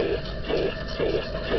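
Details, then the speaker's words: High-pitched heart murmur played as a teaching example in a lecture on murmur characteristics. "Here's an example of a high-pitched murmur."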